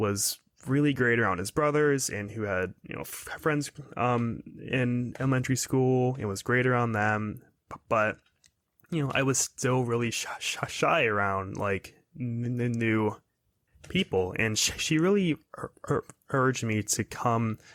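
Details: 22-year-old man who has stuttered his whole life, speaking in a podcast interview; stuttering.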